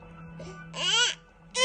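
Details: A brief, high-pitched fussy wail under half a second from an infant who has the hiccups, with quiet room noise around it; short infant cry.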